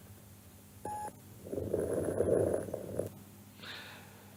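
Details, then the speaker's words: Pathological crackles: inspiratory sounds of alveolar origin. After a beep, a soft, fine crackling breath sound lasts about 1.5 seconds and ends in a loud noise; inspiratory crackles (rales). "Algunos de estos sonidos patológicos crepitantes, sonidos inspiratorios de original violar."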